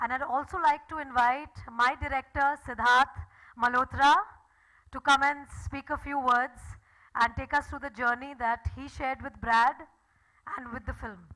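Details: Adult woman; typical speech.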